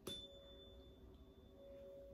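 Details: A 512 Hz tuning fork is struck on the knee rather than a hard table, which can cause overtones, to sound a tone for the Weber and Rinne hearing screening tests in a quiet room.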